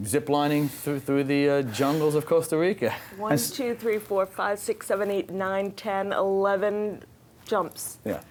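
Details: Aphasia, a language disorder diagnosed after a stroke in July 2010 at age 44, in an adult woman.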